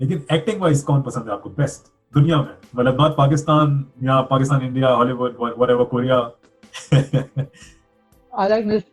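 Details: Adult male speaker; ordinary speech.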